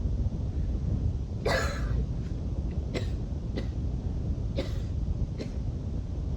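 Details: Wheezy coughing fit before bed: four or five harsh cough bursts over low rumbling room noise.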